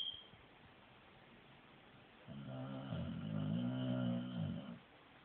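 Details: A sleeping female dog snoring like a human: one long, low, rumbling snore rising and then fading against quiet room hiss.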